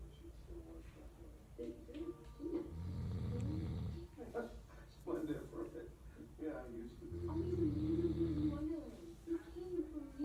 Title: Dad snoring while I’m watching wonderpark 😂 he snores loud 💤💤😂😂